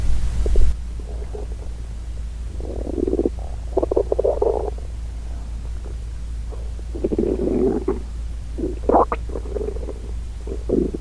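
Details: Real, unfiltered hunger stomach growling from a girl: irregular low gurgling belly rumbles (borborygmi).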